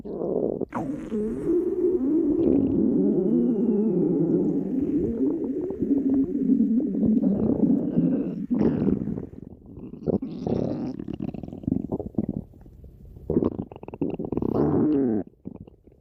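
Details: Stomach growling: a long, low, bubbling rumble lasting about fifteen seconds that breaks into gurgles near the end, normal borborygmi from gas and fluid moving.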